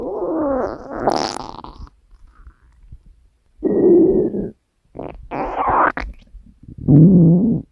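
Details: Woman's hungry stomach: several long, gurgling, rumbling growls with quiet gaps between them; ordinary bowel sounds.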